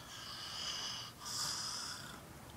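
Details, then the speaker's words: A macaw being massaged by its owner dozes off and lightly snores, giving two soft, high-pitched hissing breaths; the owner describes the bird as relaxed, happy and healthy. "i can spend an hour or more and he actually can fall asleep he slightly snores you can hear him going"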